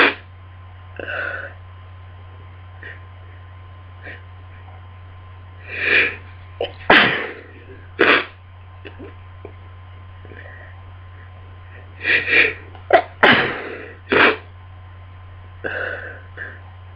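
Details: Sneezing fit during a cold: a run of about a dozen sneezes with gasping in-breaths between, some in quick pairs, over a steady background hum.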